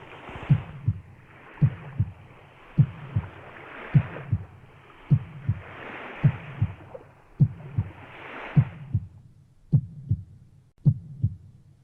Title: стук сердца